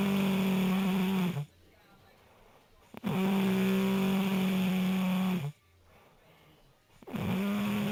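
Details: Man snoring: loud, steady, buzzing snores with quiet pauses between them, about two breaths in eight seconds; ordinary snoring.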